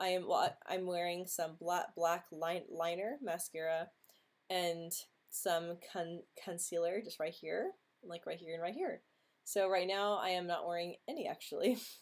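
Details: Woman who says she stutters, speaking during a livestream hangout; stuttering.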